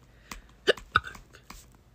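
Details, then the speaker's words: Young person crying over hiccups, their fourth bout today; their doctor said hiccups would settle after puberty. Two sharp, abrupt hiccups a fraction of a second apart, with faint breathy catches around them. "ow this is the fourth time i've had hiccups today and i'm crying about it because it's not that fun"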